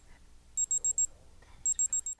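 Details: Digital thermometer beep.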